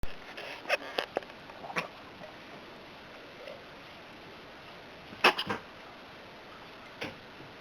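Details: Cat coughing: short bursts of harsh, dry expulsive sounds in two clusters with quiet between.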